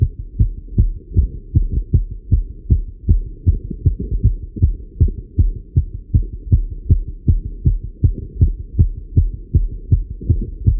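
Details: Male heartbeat recorded while riding a bike: steady, regular low thumps at about 155 beats a minute, a fast but normal heartbeat during exercise.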